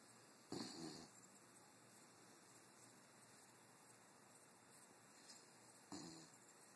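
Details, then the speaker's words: Two short, snorting snores about five seconds apart in a quiet room: a dog snoring. "incredible snoring dog, everyone."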